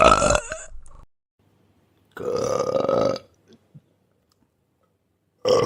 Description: This 20-minute burp sound effects compilation delivers non-stop funny burping sounds for your entertainment or projects.